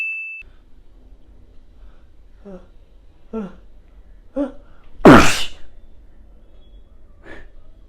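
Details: Acted sneeze in a comedy sketch showing types of sneezes: several short in-breaths building up, then one loud explosive sneeze and a small follow-up sound, with a brief beep at the start.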